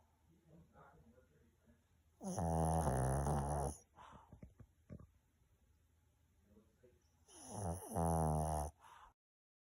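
Two loud, rattling snores on breathing in, about five seconds apart, with quieter breathing between them: snoring in a sleeping dog.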